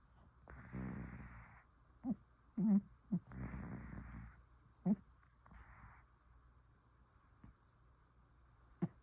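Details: Deeply sleeping, dreaming pet cat snoring: soft, raspy breathing noises with several brief squeaky chirps in between.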